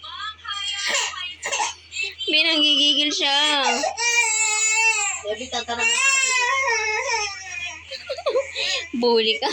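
A baby cries in sustained, high-pitched wails broken by short gasps and whimpers, with a faint low hum in the room; ordinary infant crying.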